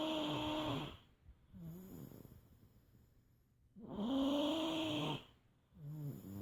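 Slow, rhythmic sleep breathing with a rough, rattling tone on each breath, separated by quiet pauses; snoring.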